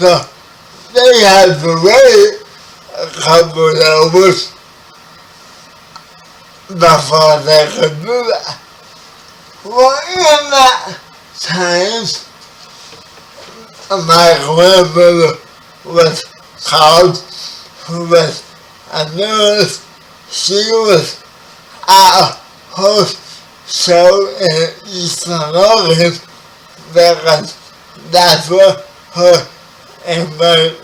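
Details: 30-year-old man with spastic quadriplegic cerebral palsy, born 11 weeks premature; speech affected by the condition; dysarthria (cerebral palsy).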